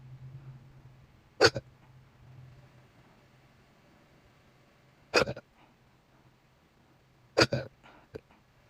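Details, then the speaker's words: Hiccups that recur about once a week and are painful: three sharp, abrupt gulping hiccups a few seconds apart, irregular timing, quiet background; hiccup burps. "Why won't it stop? This happens like once a week."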